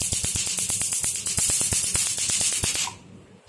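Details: Rapid sharp snapping clicks, about three per second, over a hissing hum: a portable Q-switched Nd:YAG laser tattoo/eyebrow removal machine firing 1064 nm pulses with pedal, in a demonstration.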